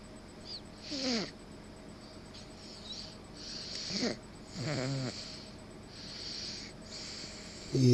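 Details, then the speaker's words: Sleeping 7-to-8-month-old baby boy snores in a rapid rhythm, with hissing breaths and occasional squeaky, whining snorts, said to snore louder than his father. "Say what you want. My son snores louder than me."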